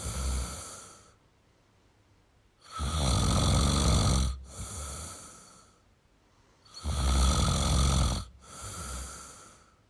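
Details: Adult male snoring during sleep.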